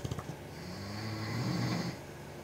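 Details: A single long, rumbling, snorting snore on an inhaled breath, from either an English bulldog or a powerlifter in a snoring comparison; which of the two is not stated.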